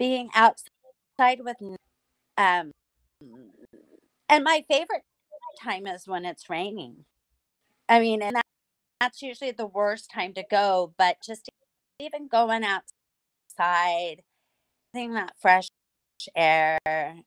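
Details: Woman who lost the ability to talk after hemorrhagic strokes and relearned speech with a speech pathologist through singing. Residual, mild post-stroke aphasia.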